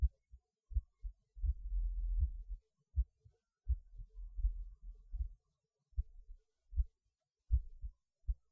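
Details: Heartbeat recorded during a pause while eating lunch, felt beating harder than usual though rate little changed; low, regular double thumps about 80 per minute with slight rumbling between beats; normal heartbeat.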